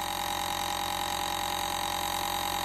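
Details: Continuous steady buzzing drone of a nebulizer compressor motor running during treatment; the patient is no longer afraid of it.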